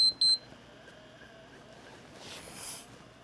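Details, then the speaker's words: Infinity enteral feeding pump start beep for an NJ (nasojejunal) tube feed set to 80 mL per hour, 200 mL volume: two short high-pitched electronic beeps, then quiet room noise. "And now it's running there. So I can see that it's set to 80. That's how fast I'm getting it."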